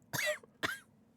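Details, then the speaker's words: Woman livestreaming; two sharp harsh cough bursts close to the microphone in a quiet room. "Sorry, I just coughed right in the microphone. I'm so sorry."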